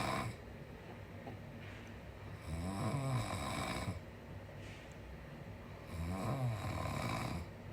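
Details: A father asleep, apparently very tired: slow, rhythmic, low rattling snores about every three to four seconds over steady room hum; ordinary snoring in sleep.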